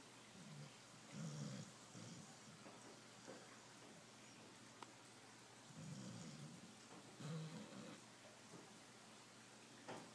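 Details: Elderly dog, about 12 years old, possible Border Collie crossbreed with occasional pancreatitis, snoring asleep: soft, low rumbling snores, two pairs a few seconds apart, under steady background hiss.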